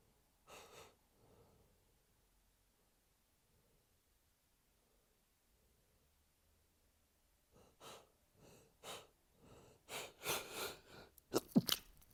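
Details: Allergic sneezing fit at home: one early sneeze, then a quick run of six or seven sharp sneezes with short in-breaths between them.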